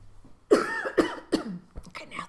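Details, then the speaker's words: Person with bronchiectasis and NTM infection doing lung clearance with nebulized saline and a flutter oscillating PEP device, outdoors: three forceful coughs in quick succession then a softer throat sound, a productive cough bringing up little bits of sputum. "okay so i've coughed up just a little bit there and a bit more just little bits now"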